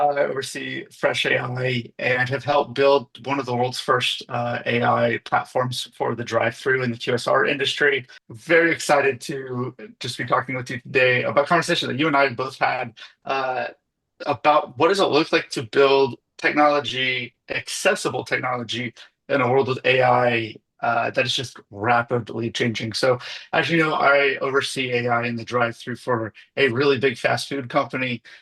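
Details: Adult male speaker; ordinary speech.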